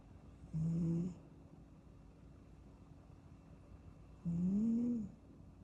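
Two soft, tonal snoring breaths about four seconds apart over a faint room hum: a napping kitten snoring quietly.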